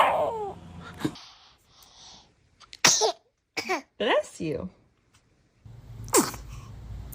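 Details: Newborn baby sneezing: three to four sharp, high little sneezes with snuffly breaths between, while adults laugh and say "bless you"; sneezing.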